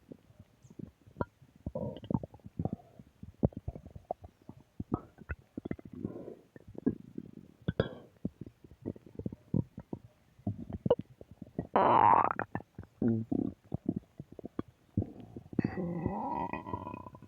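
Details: Irregular gurgles, squelches and rumbling bursts from the belly, some longer and louder; stomach growling, bowel sounds (borborygmi).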